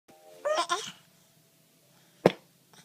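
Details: Child laughing with hiccups after a bath: a brief laugh, then a single sharp, abrupt hiccup catch of breath, in a quiet room.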